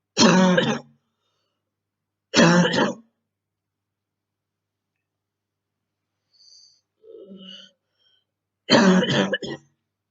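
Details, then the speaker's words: Three loud, harsh coughing and throat-clearing bursts with a quiet breath between, in a quiet room, from a girl in quarantine with a very hard bronchitis; repeated cough. "This is my my quarantine. A very hard bronchitis, really."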